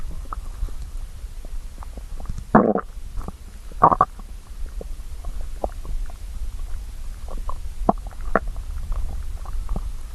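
Low gurgling and rumbling with bubbly pops over steady background noise. Stomach growling from hunger, a normal bowel sound.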